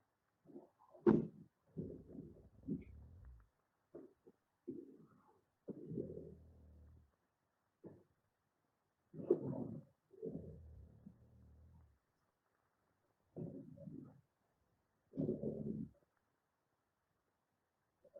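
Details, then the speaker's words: Male patient's sleep study audio with normal AHI, ODI and mean saturations but small oximetry oscillations: quiet, irregular low rattling snores during respiratory events, obstructive snoring. "okay so what you i hope you can appreciate from that is that he has obstructive snoring um throughout these respiratory events and what you can see on the tracings"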